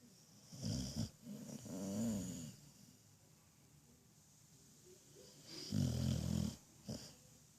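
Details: Half-awake pit bull dog during a cuddle session: two loud rattling snores separated by a quiet pause; typical dog snoring.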